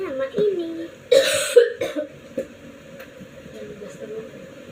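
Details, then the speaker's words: Cough during a child's colouring of a school assignment: two loud, harsh cough bursts after a brief voice, then quiet room noise. "Guys, itu ada suara batuk. Maaf ya. Oke, suara batuk."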